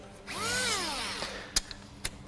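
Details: Handheld surgical drill test-run during an air ambulance equipment check: brief rising and falling motor whine followed by sharp clicks.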